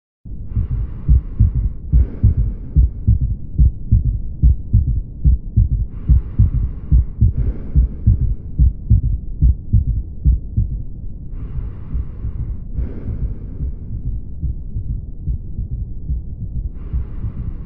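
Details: Regular low heart sounds near 72 a minute with a soft extra early-diastolic thud just after S2, an S3 ventricular gallop ("Ken-tu-cky").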